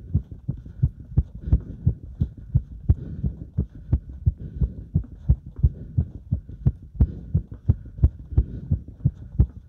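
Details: Heart sounds recorded during step-up exercise: fast, regular heartbeat at about 175 beats a minute with a low hum underneath; normal heart sounds sped up by exertion.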